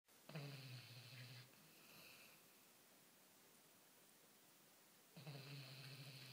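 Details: Ordinary snoring: low buzzing snores on the in-breath, about five seconds apart, in a quiet room.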